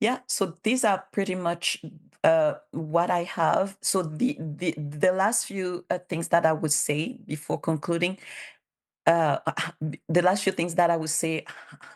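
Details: Bilingual adult woman who stutters, has self-declared her stutter as a disability, and cites speech therapist documentation; real conference speech, consistent with stuttering.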